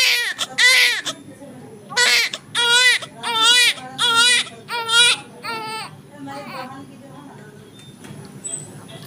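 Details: Newborn baby boy just after normal delivery in an Indian hospital, normal birth weight, healthy: loud, strong, rhythmic bursts of high-pitched crying fading to whimpers; vigorous newborn cry.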